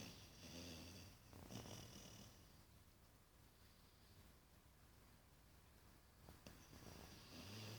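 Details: Five-month-old Australian Shepherd–Labrador mix puppy asleep, possibly dreaming, with quiet, rough, rattly breathing that swells with each breath; soft snoring.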